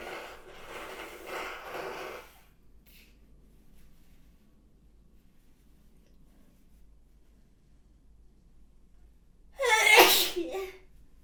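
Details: A single sharp, loud sneeze from an adult after a long quiet pause; sneeze.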